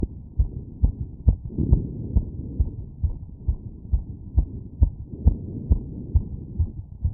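Fast, regular heartbeat at about 135 a minute over the aortic area, a normal quickened rate after exercise.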